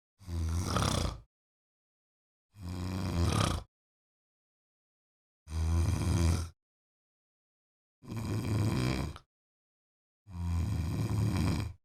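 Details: Adult woman snoring, sound effect recorded with Zoom H8 recorder: five rough, low rattling snores, each about a second long, separated by quiet pauses at roughly 25 a minute.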